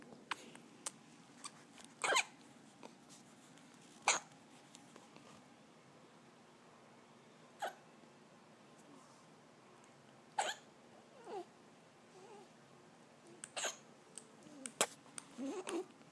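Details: Newborn hiccups: brief squeaky catches at irregular intervals, about seven in sixteen seconds, against quiet room noise.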